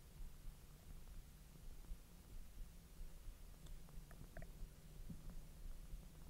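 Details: Belly recording while hot dogs are digested after the stomach was empty for 10 hours: low rumbling and gurgling with scattered faint squeaks over steady low background noise; bowel sounds (borborygmi).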